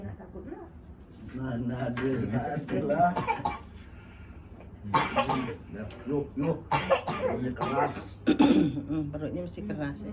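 Several short cough bursts and throat clearing mixed with talk in a small room, from a cough lasting about a month.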